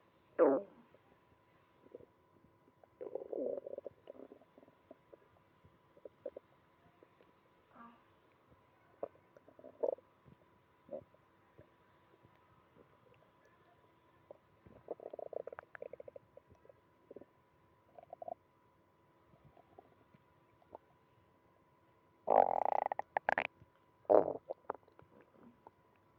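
Frequent gurgling and rumbling bowel sounds with a few loud bursts, fitting hyperactive bowel activity.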